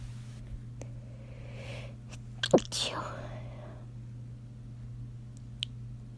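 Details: A quick breathy inhale, then one short, muffled sneeze burst held back through a closed mouth and nose: a stifled sneeze.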